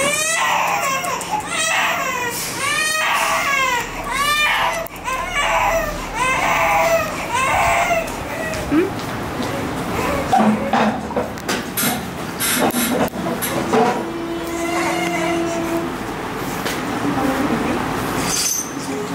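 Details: Infant waking from anaesthesia after major surgery: loud, repeated distressed crying fading to whimpers, with adult voices and room noise.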